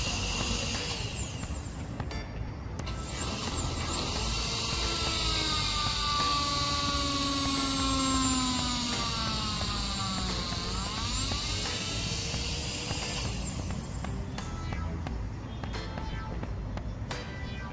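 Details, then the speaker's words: Whining drill motor with pitch rising and falling as a 6 mm trephine bur cuts bone to harvest autogenous graft on a training model; chin, ramus or third molar sites mentioned as donor areas. "You can take bone from either the chin area or the ramus area, or the third molar."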